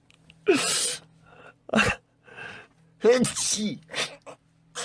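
A few quick, sharp sneezes, each with a short intake before it, separated by brief pauses and some vocal sounds.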